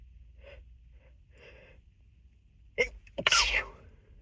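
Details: Soft sniffs and breaths, then two stifled, muffled sneezes over a low room hum, in an unedited sneezing and nose-blowing session.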